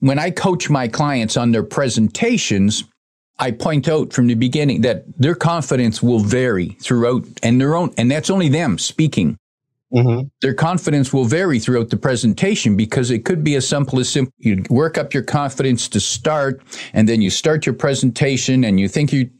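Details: Adult male speaker; Normal conversational speech.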